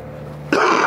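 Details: A low hum of room noise, then one harsh, throaty cough or throat-clearing burst from an adult who says they feel unwell.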